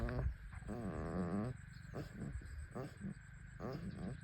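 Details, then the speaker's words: Sheep with suspected acidosis after eating harvested rice, off feed, belly earlier bloated, moans drawn-out and low, then short repeated grunts with each effortful breath, showing labored breathing and distress. "దానికి breathing problem ఉన్నట్టు ఉందండి."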